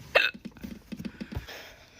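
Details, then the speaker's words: A single sharp, abrupt gulping hiccup followed by soft household clatter while the person does laundry, during a hiccup bout lasting almost three minutes. "this is pretty long one this is almost 3 minutes of hiccups you guys you got a good one today"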